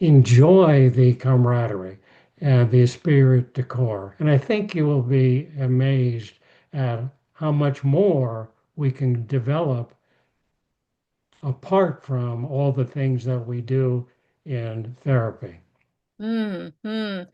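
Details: Aphasia after a stroke in an adult male, with speech rebuilt through therapy and practice; he speaks more slowly than typical and sometimes pauses to find words.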